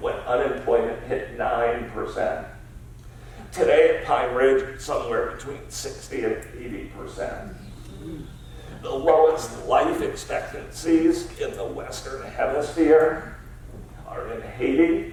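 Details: Adult man diagnosed about seven years earlier with spasmodic dysphonia, a rare neurological speech-only disorder of unknown cause, treated with periodic Botox injections, speaking in a real keynote talk; spasmodic dysphonia.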